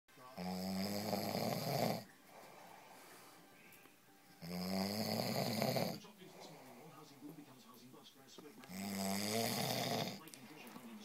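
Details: Adult husband asleep by the fire, snoring: loud, rumbling snores on the in-breath, about fifteen breaths a minute, with quieter breathing out between them.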